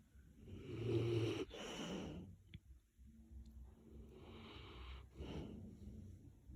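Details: Sleeping Mastiff snoring and twitching, owner unsure if normal: deep, rattling breaths with a low, rough flutter, repeating every few seconds.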